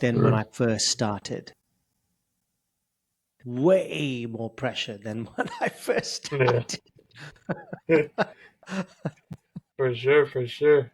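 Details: Adult male with stuttering since age 10, reporting blocks, prolongations and repetitions; stuttering.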